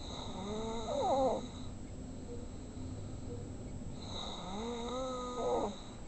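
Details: Dalton snoring heavily: two slow snoring breaths about four seconds apart, each a rising, rattling nasal snore over steady room hum.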